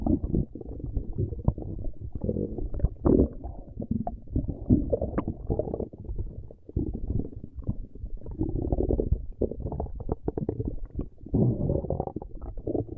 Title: Stomach Growling